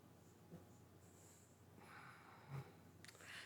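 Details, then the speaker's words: Resting dog, noisier than usual from excitement at an extra person in the room: low, rough snorting breaths that sound like a background ventilator, consistent with stertor. "I'm going to be interested to know if we're going to be able to hear her snorting definitely. So, what sounds like a ventilator in the background is actually the dog."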